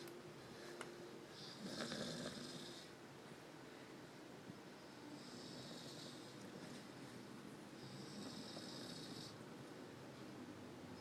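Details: Sleeping black dog with soft, faint rhythmic snoring and a quiet hiss on the in-breaths against low room noise; snoring.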